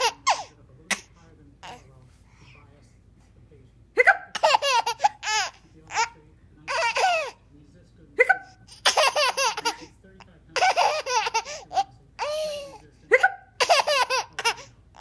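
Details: 6-month-old girl laughing and babbling with short, sharp hiccup sounds mixed in; ordinary baby hiccups.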